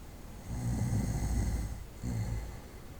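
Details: Low rumbling snore on an in-breath, then a shorter second snore starting, over quiet room noise; night-time snoring from a 25-minute recording.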